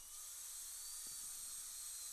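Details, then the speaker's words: Steady high-pitched whine of a high-speed dental drill cutting away composite to uncover the second implant screw access of an upper all-on-4 fixed implant prosthesis; dental drill. "all right so again i'm gonna uncover the next one so step one is out of the way"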